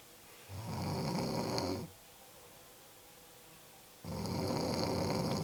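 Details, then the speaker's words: A woman snoring: loud, rough snores on the in-breath, about one every three and a half seconds, with quiet pauses between; ordinary snoring. "good morning lumberjack you need some oil for that chain sighs you're running gonna be real attractive"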